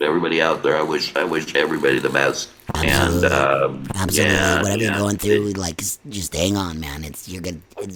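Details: Adult man after laryngectomy speaking with an electrolarynx held against his neck, with ongoing neck lymphedema that made finding the placement sweet spot hard: electrolarynx speech.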